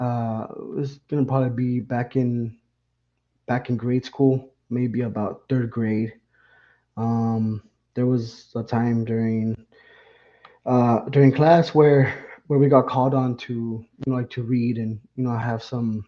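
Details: Lifelong stuttering in an adult man, beginning around third grade, described as milder than another speaker's, never treated with speech therapy; stuttering.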